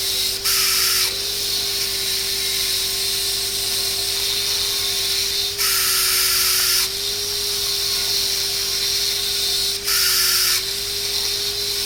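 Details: Steady high-pitched whine of a dental handpiece with a straight fissure bur, with three roughly one-second bursts of louder cutting hiss; preparing a class 5 cavity on a maxillary first molar, about 0.75–1 mm deep, for GIC.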